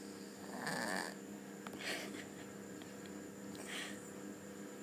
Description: Cat snoring while sleeping..